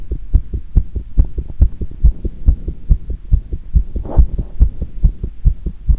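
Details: Heart sounds recorded with pressure on the chest after doing squats: fast, regular, deep thumps at a raised post-exercise rate, with a brief rubbing scrape partway through; the recorder noted one arrhythmic beat.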